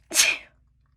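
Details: A single sharp, hissing, somewhat wet sneeze burst; sneeze.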